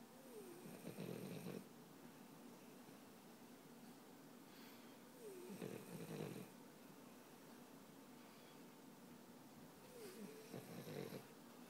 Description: Chloe the Famous French Bulldog sleeping and snoring. 13 months